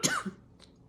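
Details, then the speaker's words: An adult recovering from COVID-19 who still has a lingering cough and a runny nose coughs. "And I still have a darn cough and a runny nose. As you can see, you can hear that."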